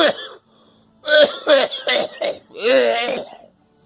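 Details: Girl coughing alongside an adult: a run of about five loud, voiced coughs with throaty, rough endings and short gaps; child coughing.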